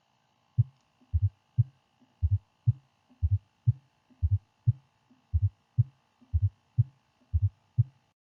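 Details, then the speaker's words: Fourth heart sound (S4 gallop): occurs in late diastole just before the first heart sound, always pathological, best heard at the apex with the stethoscope bell, reflecting low ventricular compliance. "Este sonido cardíaco ocurre en la diástole tardía justo antes del primer sonido. Es siempre patológico. Se ausculta mejor en el ápex, con la campana y traduce situaciones de baja distensibilidad ventricular."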